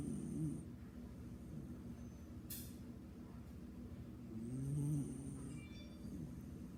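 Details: Sleeping beagle: soft, low fluttering snores with a faint whistle-like tone on the breaths over a steady background hum; snoring.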